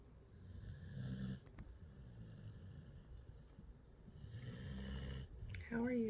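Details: Soft, low, rumbling snores on slow breaths, then a brief voice at the end; the listener wonders whether the snorer is still awake and faking. Ordinary snoring.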